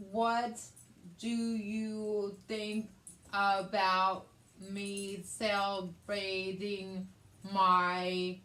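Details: Woman with aphasia, also affecting reading and writing, and right-side hemiparesis after a hemorrhagic stroke on May 19, 2020 treated with brain surgery; aphasia.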